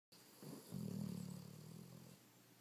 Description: Daisy relaxing on the couch snoring away.